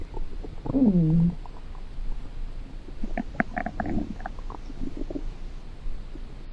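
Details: Low, drawn-out gurgling growl, then softer bubbling and rumbling against a hiss: hunger stomach rumbling, borborygmi, offered as a sound effect.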